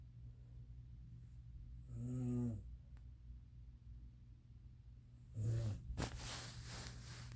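Two buzzing, fluttering snores about 3.5 seconds apart over a steady room hum, followed by a hiss: snoring.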